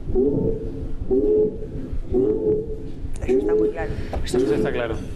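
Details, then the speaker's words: Wheezes on auscultation in a patient with obstructive bronchial disease, probably asthma or COPD during an attack: repeated musical, whistling tones about once a second over faint room hiss, from air forced through narrowed airways. "eso es un ruido silbante es igual que si hay una corriente de aire intenta cerrar la ventana va a escuchar un silbido porque es el paso del aire por un edificio más estrecho"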